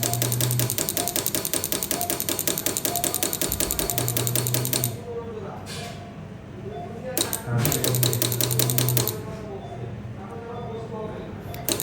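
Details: Two stones in a ureterocele in the bladder: rapid mechanical rattling bursts, about 158 a minute, with pauses, as a piston-type pneumatic lithotripter fragments the large stone.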